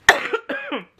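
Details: A 23-year-old who is really sick with an acute illness gives two quick coughs, the first sharp and the second softer and more voiced.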